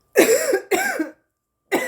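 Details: Harsh, rough coughs from a woman, two long bursts and the start of a third, after smoking marijuana.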